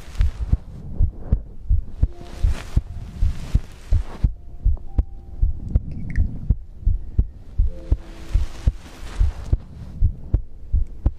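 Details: ASMR heartbeat-and-breathing compilation recording: regular thumping heartbeats at about 80 a minute with breathing and rustling noise between beats; normal heartbeat.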